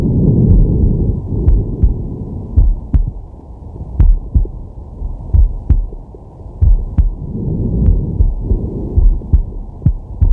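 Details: Male, relaxing at rest, digital stethoscope on the chest: deep, steady two-part heartbeat under slow rumbling breaths in and out; heartbeat with breathing.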